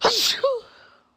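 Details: Black woman on camera during a sneezing fit, with a single sharp sneeze: a quick intake of breath, then a voiced, falling release fading into room quiet.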